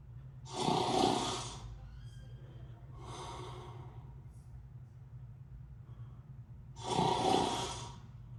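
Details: Real snoring recorded in tight sleeping quarters aboard USS Midway: loud rasping snores with softer breaths between, about every six seconds, roughly ten breaths a minute; ordinary sleep snoring.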